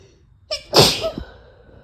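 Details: Single sharp sneeze with a brief breathy intake before the burst, from a female; a deliberately induced single sneeze, spliced with others because a full sneezing fit could not be induced.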